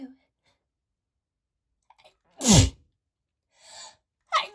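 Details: One loud, explosive, wet perfume-triggered sneeze after quiet breaths, with faint breathing afterward; sneezing.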